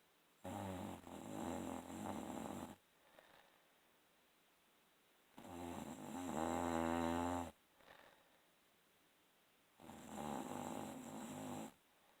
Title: Guess who snoring - rb